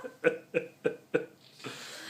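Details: Woman, after a few drinks on a night out, ordering a takeaway; four short abrupt voiced gulps about every 0.3 seconds, then fading into room noise: a hiccup run.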